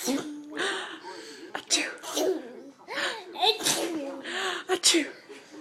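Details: Child pretending to sneeze (simulated sneezing): several sharp "achoo" bursts mixed with laughter and voices.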